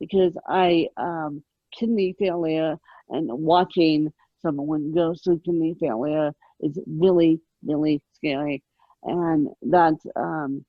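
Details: Adult woman with moderate ataxic cerebral palsy present since birth, attributed to lack of oxygen at birth; ataxic dysarthria.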